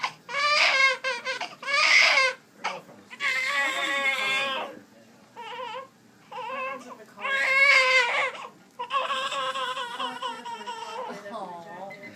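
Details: Newborn infant, very fussy during a first attempt at burping: repeated high-pitched wailing cries with short gasping pauses, in a small room.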